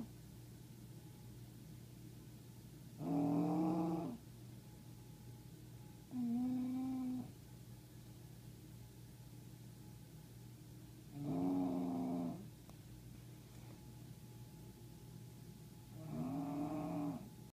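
Regular tonal, groaning snores about every four to five seconds over steady room hum: snoring in a sleeping dog.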